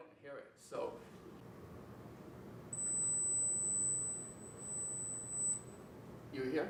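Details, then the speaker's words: A steady, very high-pitched pure tone lasting about three seconds in a quiet room, with brief voices before and after: a high-frequency hearing test tone that young people can hear but adults may not. "Buscamos por ejemplo un sonido que ustedes puedan oír pero yo no"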